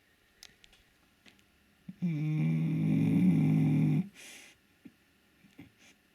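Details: Shar-Pei dog sleeping by a radiator: one long, loud, buzzing snore followed by a brief breathy exhale in a quiet room; snoring.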